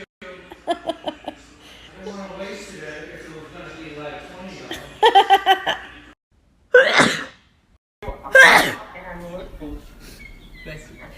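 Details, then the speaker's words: Sneezing: two sharp, explosive sneezes following talk in a room. "you did you just sneeze on deck no she's into my own shirt"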